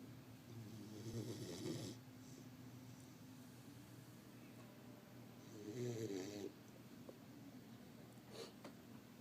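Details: Female dog sleeping, snoring loud enough to be mistaken for TV bass: two low, rattling snores a few seconds apart, then a softer third, over quiet room noise.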